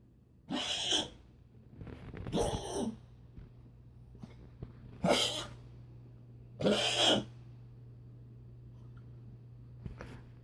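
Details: Dog coughing one hour after allergy medicine, not yet given his heart medicine; coughing about 75% better than before and breathing improved: four harsh, hacking cough bursts a few seconds apart with a steady low hum behind.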